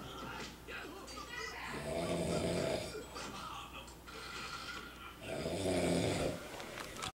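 Two loud, rough, rattling breaths a few seconds apart over steady room noise with faint talk or music: snoring.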